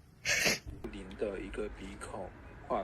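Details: A young Chinese woman during a nasal swab self-test gives a single sharp hissing sneeze, followed by whimpering voiced sounds and a sniff; sneezing.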